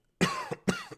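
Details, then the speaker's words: Two quick harsh coughs from an adult man with a few days of burning sore throat and mild illness he calls man flu; cough. "can hear I got the cough. It's a real man flu thing. It's not even like a real sickness."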